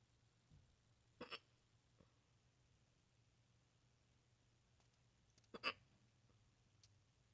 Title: HICCUP FETISH / LOUD HICCUPS #NECKHICCUPS #HICCUPS #hiccupfetish